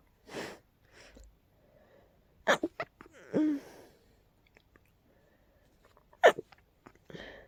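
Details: Person with a very tickly nose trying hard to stifle sneezes: several short, breathy sneezes with quiet gasps between; suppressed sneezing.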